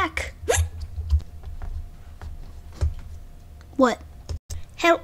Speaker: bruh why you hiccuping i can't control it come back